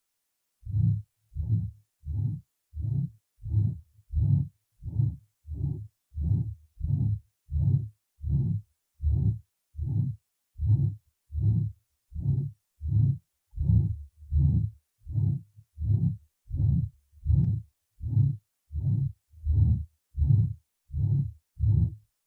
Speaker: представлен другой вариант систолического шума на верхушке зарегистрированный у больного с поражением сосочковые мышцы левого желудочка